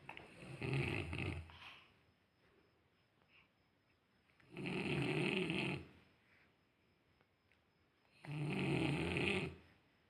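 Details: Snoring: three loud, rough snores with quiet pauses between, roughly 16 breaths a minute.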